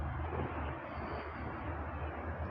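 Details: Steady low motor hum with faint hiss from a small children's nebulizer running with plain water only, no medicine, demonstrated for steam inhalation for cough and chest congestion: nebulizer running.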